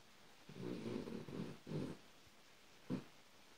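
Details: Male Australian silky terrier mix, 3 years old, rescued from a shelter, napping and snoring: low, rough, rattling breath sounds repeating with quiet gaps between.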